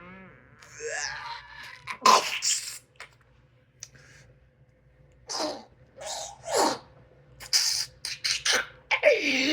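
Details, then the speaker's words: Adult holding back a cough: a series of short, sharp stifled cough bursts, some snorted or partly voiced, between quiet pauses; speaker mentions vaping and is quitting cannabis. "This is me trying to hold in my cough. I mean, this is me trying to hold in a cough."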